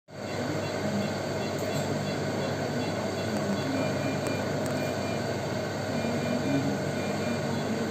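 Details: Heart-lung machine used by perfusionists in open heart surgery: steady mechanical hum and rumble of the bypass machine running, with faint room noise.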